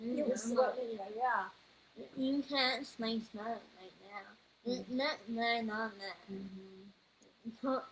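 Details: 21-year-old woman whose neuropsychological evaluation found level 2 autism, anxiety, needle phobia and a speech disorder; speech disorder.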